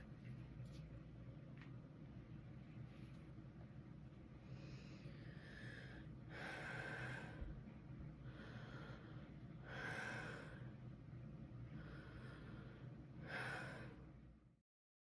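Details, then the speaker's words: Three slow, deep breaths in and out through the mouth after 60 seconds of seated relaxation, smooth and quiet without crackles, wheezes, rhonchi or stridor; normal breath sounds. "then you will record three deep breaths in a row in and out of the mouth"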